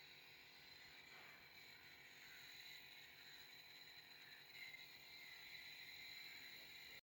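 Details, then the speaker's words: Nebulizer treatment of a calf with pneumonia and rapid breathing: the nebulizer holds 4 ml normal saline, 2 ml Atem injection and 2 ml Clenil injection. A steady high-pitched compressor hiss and whir with faint rhythmic rattling. "अभी हमने new बलाइजर machine use की है आपने देखा न्य बलाइजर machine हमने किस तरह इस्तेमाल की है"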